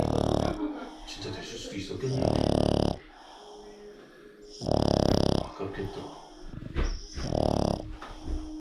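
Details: A Boston Terrier, asleep after more than an hour of fetch, snores in loud, buzzy bursts every few seconds with soft snuffling breaths between them; snoring.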